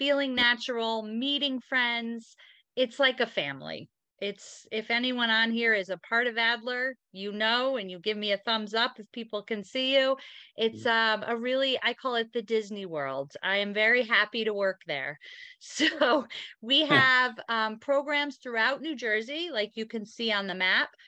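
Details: Aphasia in a member of a group of people living with aphasia, speaking at a virtual aphasia conference.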